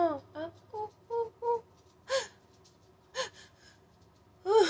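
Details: Adult with tics trying new medical marijuana medication has a sudden tic attack. Rapid bursts of short gasping, moaning vocal sounds, then sharper cries: vocal tics.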